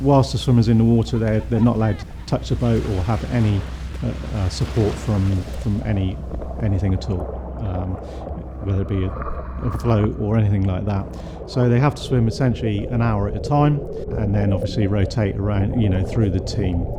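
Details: Adult male speaker; normal speech.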